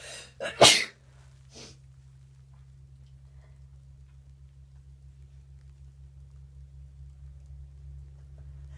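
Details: Person sneezing in a bubble bath, suspected allergy to the new bubble bath: quick in-breath, forceful sneeze and smaller follow-up snort over steady hum of water or fan.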